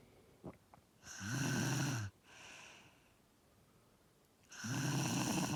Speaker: Hey guys, Ponchi is sleeping. He's snoring like a pig.